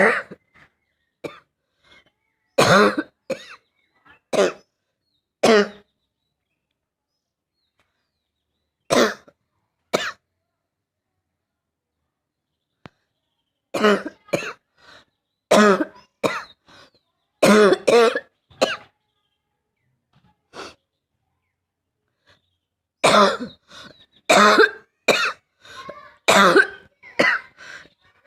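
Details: Barking cough from an adult woman: repeated short, harsh, barky coughs in clusters separated by quiet pauses.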